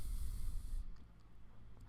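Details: Harsh suction hiss with a low rumble, cutting off after under a second to quiet; endoscopic microsuction removing wax and detached skin from the ear canal.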